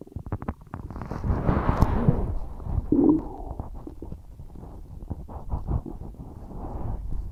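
Low gurgling rumbles and bubbling pops come and go irregularly, with a louder rolling gurgle midway: ordinary stomach rumbling after a large meal.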